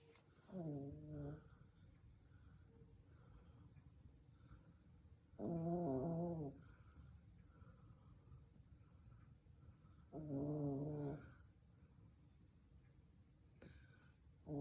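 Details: Fonzie, a pet, snoring: three loud, buzzing snores roughly every five seconds, about 12 a minute, with quiet breathing between in a small room.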